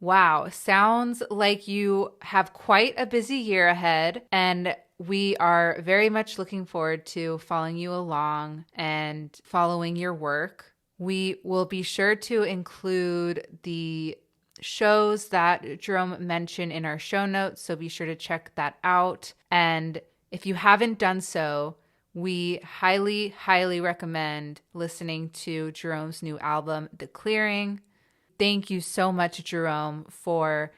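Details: Adult woman, a podcast host who stutters and keeps her stutter unedited; stuttering.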